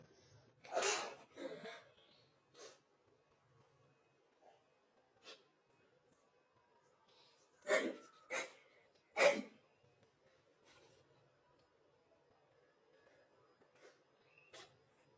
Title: girl have early stages of flu sneezing while about to take selfies (slow ver.)